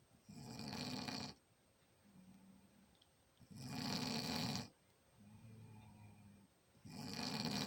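Loud, rough snores on each breath in, with quieter breaths out between them, about three cycles over eight seconds.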